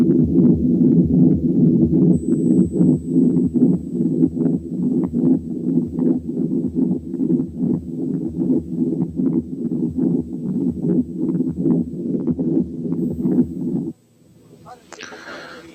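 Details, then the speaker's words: Continuous machinery murmur of patent ductus arteriosus at about 75/min: one murmur running through the whole cardiac cycle, loudest at the second sound and softest at the first, contrasted with a to-and-fro murmur. "لكن دي مامر واحده مستمره على مدار الكاردياك سايكل، بتزيد لماكسيمم انتنسيتي عند السكند ساوند وتقل المينيمم انتنسيتي عند الفيرست ساوند، وصوتها زي صوت مكنه وعشان كده بيسموها ماشينري مامر."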